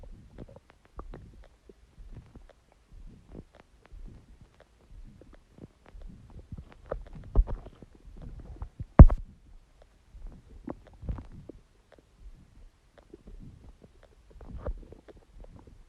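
Low, irregular gurgling and rumbling from the belly, with one louder squelch; ordinary stomach growling, a normal bowel sound.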